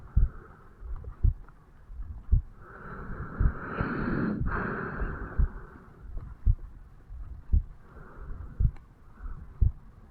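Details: A 35-year-old man records his own heartbeat over the mitral (bicuspid) valve area on waking in the morning: soft, regular beats at about 56 a minute, with handling noise midway. Normal resting heart sounds.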